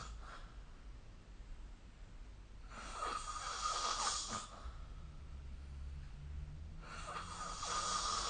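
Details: Snoring during sleep recorded with the SnoreLab app: rough, noisy breathing sounds recurring in slow cycles over steady room hiss.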